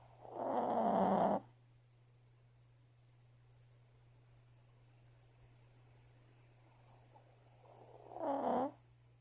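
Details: Female dog snoring in her sleep, which owner says she does all the time and loudly: two long, rough breathing noises about seven seconds apart against steady room hum.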